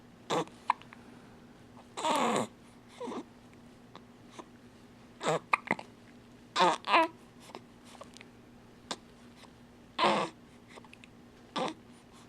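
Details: Infant hiccups: brief sharp catches every second or two over a quiet room hum, with a few soft fussy sounds.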